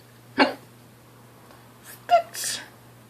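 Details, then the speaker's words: Person hiccuping repeatedly: two sharp, abrupt voiced gulps a couple of seconds apart over a low steady hum. "I miss you I am hiccuping like crazy"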